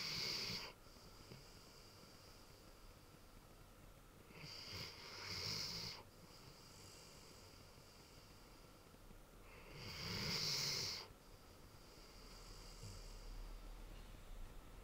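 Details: Snoring from a big, sleeping Ridgeback dog: slow breaths about every five seconds, each with a hissing, whistly snoring sound.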